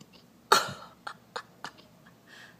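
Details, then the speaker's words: Four brief, abrupt gulping hiccup sounds about a third of a second apart, from a hiccuping 'baby' whose species is not stated; hiccups. "what's that noise yukon oh what's wrong oh dear do you have the hiccups baby oh boy"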